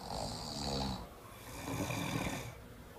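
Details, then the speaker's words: Two loud, rough, rattling breaths, each about a second long, from a self-described consistent heavy snorer sleeping in a sleep clinic before inserting a ZQuiet anti-snoring mouthpiece; heavy snoring. "identifi themselves as being consistent heavy snorers before Z quiet to participate in a real world experiment for demonstration purposes we invited several satisfied Z quiet customers to spend the night in an actual Sleep Clinic"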